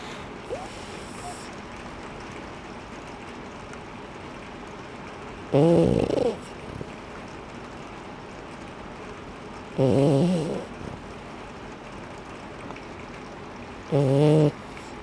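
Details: Snoring in a female: three loud rattling snores over quiet room noise, about 14 breaths a minute, each a rough vibrating inhalation.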